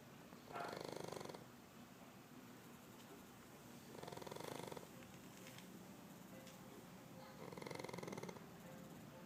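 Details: A neighbor's puppy sound asleep, snoring, then waking up: three soft regular snoring breaths about every three to four seconds over background hiss.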